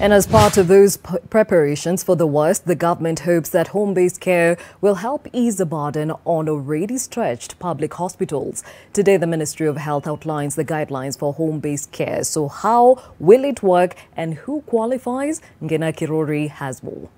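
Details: Adult speaker, news-style narration; typical speech.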